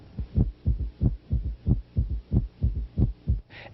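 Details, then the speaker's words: Third heart sound (S3 gallop), heard with the stethoscope bell placed lightly: regular low heartbeats at about 92 a minute, with an extra soft sound after S2, a 'Ken-tuck-y' rhythm. "the third sound S3 is caused by vibrations of the rapid filling of the ventricles the first two sounds are S1 and S2 the rapid sound following S2 is S3 it sounds like"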